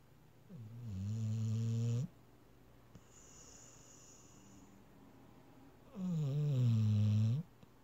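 Two loud, low, rattling snores on inhalation about five seconds apart, with quiet breathing between.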